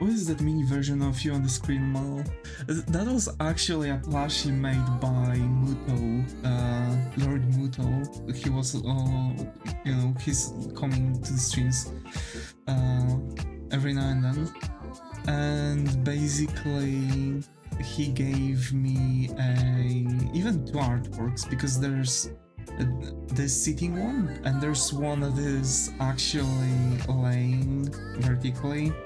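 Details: Male streamer with longstanding stuttering, which he attributes most likely to stress; never seen by a specialist, he says he mostly grew out of and overcame it, though at times it still makes him sound like he is cutting out; stuttering.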